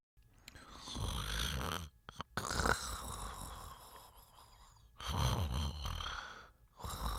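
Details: Snoring.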